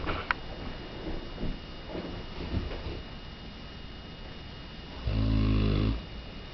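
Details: A 3-year-old Mastiff dog snoring: deep rumbling breath noise ending in a loud, low rattling snore, like a freight train.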